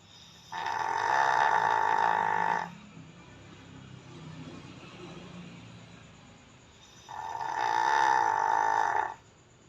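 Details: Dog in deep sleep snoring: two long, loud, rough snores with a quiet pause between them, sounding much like a human's snoring.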